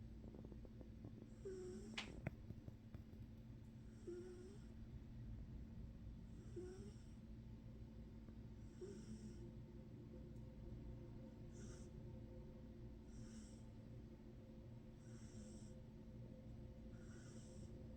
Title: Snoring Kibby